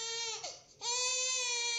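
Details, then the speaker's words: Infant crying played to a sound-recognition device demo: high-pitched, tonal infant wails with a brief break mid-cry, then a strong sustained wail. "it goes red when the baby cries it takes a moment or two there's the baby"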